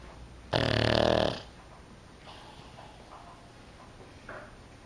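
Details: One loud, rough, rattling snore from Otis, a sleeping pug, followed by quieter breathing: typical loud flat-faced dog snoring.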